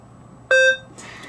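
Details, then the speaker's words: Single short electronic beep from a Maquet Servo-U ventilator when the expiratory hold button is held under static measurements, giving total PEEP; inspiratory hold earlier gave plateau pressure of 24; used for static compliance. "if i hold the inspiratory button in until it beeps it will tell me what the plateau is at 24. next if i hold that expiratory button until it beeps"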